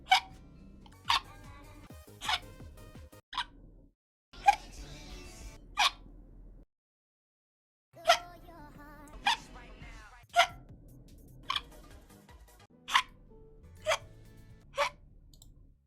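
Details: Hiccups from a VTuber, a minute-long compilation: about twelve short, sharp bursts at roughly one-second intervals, with a brief pause partway through.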